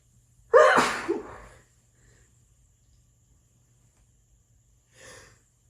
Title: Just messing about sneezing!